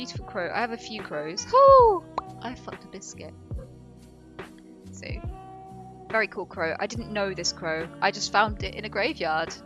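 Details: Adult woman with Tourette syndrome producing involuntary vocal tics, including interjected swearing; Tourette syndrome vocal tics.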